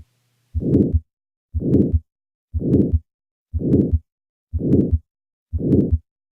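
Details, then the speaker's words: Aortic stenosis: regular heartbeat at 60/min with a harsh crescendo-decrescendo murmur swelling then fading between the heart sounds. "thus we have the crescendo decrescendo shape which is a term borrowed for music in which they sound gradually increases in volume and then decreases in volume here's an example of such a crescendo decrescendo murmur of aortic stenosis"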